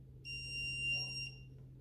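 A single steady high electronic tone lasting about a second as a training defibrillator switches on.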